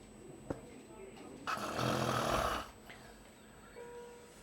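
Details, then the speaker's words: A single rough, rattling snore lasting about a second from an adult under sedation during endoscopy through the left nasal cavity. The palate is seen vibrating with collapse at the velum, and the lingual tonsil is possibly grade one. "so can you hear the snoring sound yes so we are going through the left nasal [Music] cavity NASA fings is fine and the patient is in Epic episode so you can see the vibrating pallet"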